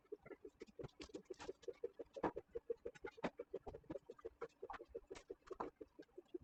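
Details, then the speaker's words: Doppler blood flow signal from an animal under anesthesia (ketamine induction, isoflurane 2%), probe gelled and bandaged on the back leg, letting her heart rate be heard. "And then a bandage just to stabilize. And you can hear her heart rate through the Doppler."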